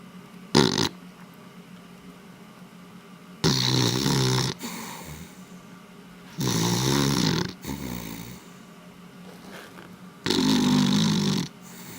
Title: beagle snoring (elle ronfle bien;) )